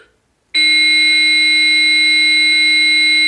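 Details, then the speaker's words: After "Shock advised. Charging. Everyone stand clear," a steady, loud, high-pitched electronic tone from an AED training device during simulated cardiac arrest CPR training; no real shock is delivered. This is the AED's charged, shock-ready alert. "Shock advised. Charging. Everyone stand clear."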